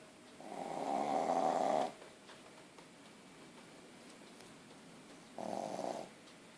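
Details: 9-month-old puppy with very large tonsils, asleep: two long, rattling, buzzing inhalation snores a few seconds apart, quiet between them; snoring.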